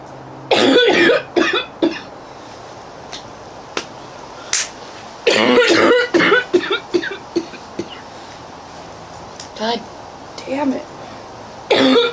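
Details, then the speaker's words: A prolonged coughing fit in a girl: repeated harsh coughs in clusters with gasping breaths between, leaving her short of breath. "I didn't catch my breath. I'm never going to catch my breath. That was horrible."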